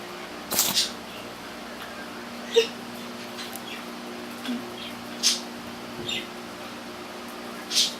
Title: Clean sneeze sleep